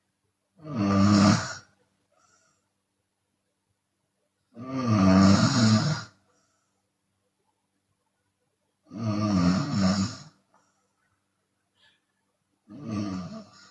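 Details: Loud, rough open-mouth snores from a sleeping Chinese woman with each breath in, about 14 a minute, separated by quiet pauses; exhale snoring occurs sometimes.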